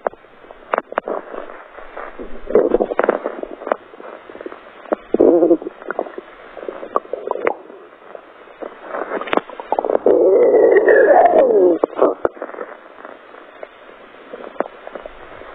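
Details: Irregular gurgling and rumbling bowel sounds (borborygmi) from an adult abdomen, with a longer growl midway.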